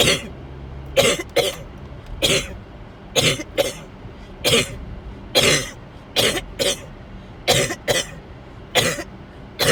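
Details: Coughing with fever, after overheating; the person felt sick to the stomach.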